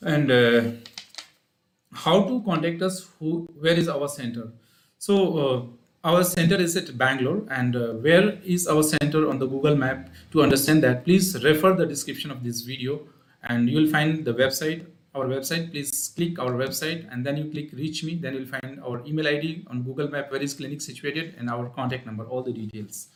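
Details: Adult male speaker; typical adult voice.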